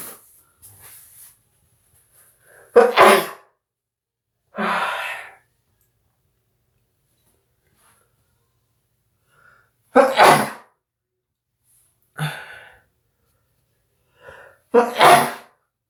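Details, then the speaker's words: Several sneezes in a small, quiet bathroom, some preceded by a sharp in-breath, spread over about fifteen seconds; repeated sneezing that the person attributes to fall allergies. "I'm gonna sneeze. I'm gonna sneeze. I'm gonna sneeze."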